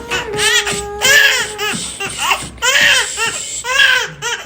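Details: Two-month-old baby crying during ear piercing: loud, high-pitched, intense distressed crying in repeated rising and falling wails with brief gasps between.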